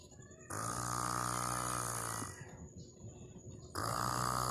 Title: Good sleeping 😴 snoring